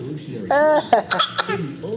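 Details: 9-month-old baby boy standing on his own, making a deliberate, playful fake cough: a brief vocal sound followed by a few short, light cough-like bursts.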